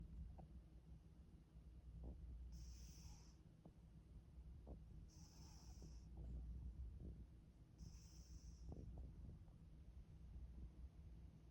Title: Snoring Zoolander 😅 🐈 💙😴 💤